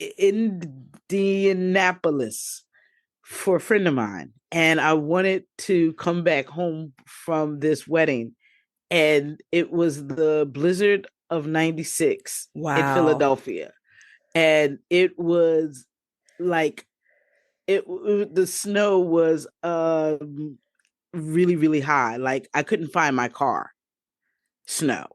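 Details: Adult woman, stroke survivor seven years post-stroke, with aphasia and reported cognitive impairment; aphasia.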